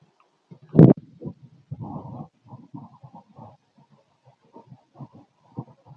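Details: Abdominal auscultation with a stethoscope: low gurgling and rumbling with one loud early burst, then scattered bubbling clicks and growls. These are active bowel sounds, stomach growling.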